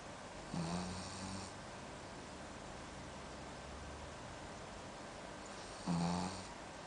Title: Snoring Dog